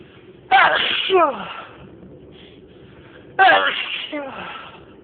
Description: On this video I sneezed for 6 minutes....more of 30 sneezes. Enjoy!!